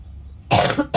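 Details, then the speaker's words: Single harsh, loud adult cough after a quiet lead-in, from the person giving flu medicine to a cat, who says she has a cough too. "Maaf aku batuk ya sayang. Maaf aku lagi batuk juga."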